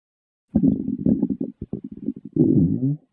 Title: minimal stomach growl 5